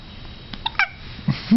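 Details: Newborn baby with hiccups while still hungry: two short, abrupt voiced catches a fraction of a second apart against quiet room noise.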